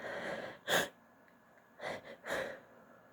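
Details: Female producing a mix of stifled and unstifled sneezes: three short, stifled, wet-sounding sneeze bursts with quick breaths between, in a quiet room.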